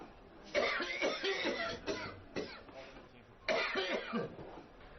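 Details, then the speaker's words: Three harsh, wet coughing bouts with a gagging, retching quality, recorded from a ward or outpatient patient: a productive cough from an acute exacerbation of chronic bronchitis. "那第2种基本上判断是什么情况呢？是一个慢支，一个急性加重、有痰的咳嗽的声音。"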